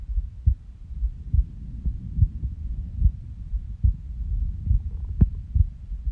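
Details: Adult's resting heartbeat recorded on waking from a nap, with skipping: soft, low thumps at about 70 a minute, unevenly spaced, some beats early or close together, an irregular rhythm with skipped beats.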